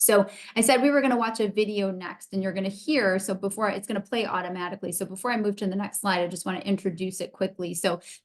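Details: Adult woman speaking; normal speech.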